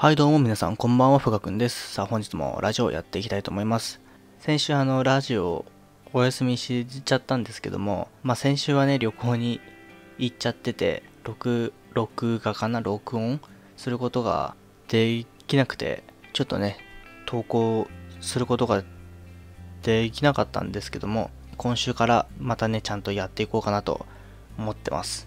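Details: Adult male with stuttering speaking spontaneously, with sound repetitions; stuttering.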